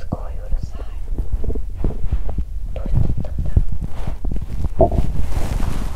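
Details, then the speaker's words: Repeated low gurgling rumbles and bubbling from the belly of a slim person who exercised on an empty stomach; loud hunger bowel sounds (borborygmi). "Tôi đói vì tôi tập thể dục khi bụng đói 😫 " Tôi không dừng lại!". Bụng tôi muốn ăn sớm 😂 “ Cho tôi ăn sớm!”"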